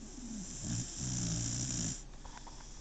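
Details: Snoring warm under blankets on a couch, one leg in the air: a low rumbling snore on one breath, then quieter breathing with soft clicks and background hiss; snoring.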